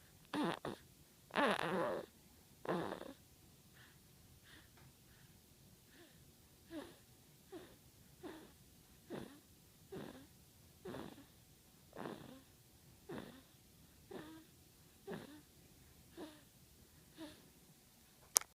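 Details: 7-week-old snoring: a few louder snorts at the start, then soft, regular snoring breaths about 15 a minute in a quiet room.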